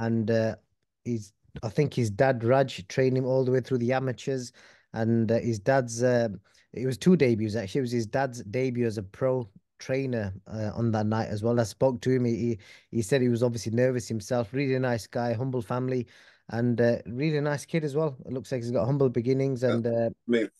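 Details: Adult male speaker; normal speech.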